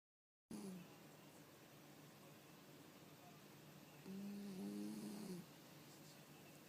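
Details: Cat sleeping in an odd position, snoring loudly but looking comfortable: soft, low rumbling breaths over a steady background hiss; harmless snoring.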